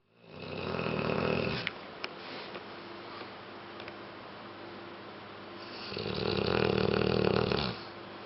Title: Snoring dog